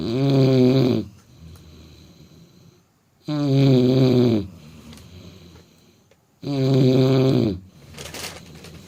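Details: German Shepherd dog snoring while sleeping: three loud, rattling inspiratory snores about 3 seconds apart, with quiet breathing between; roughly 19 breaths a minute.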